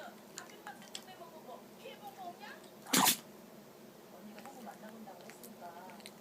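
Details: Chihuahua sneezing persistently after pressing its nose into the carpet, apparently inhaling something fine: one short, sharp sneeze with soft snuffling and room noise; sneezing.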